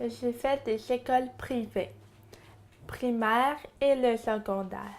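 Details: French-speaking woman who states she has verbal dyspraxia. Childhood apraxia of speech (verbal dyspraxia).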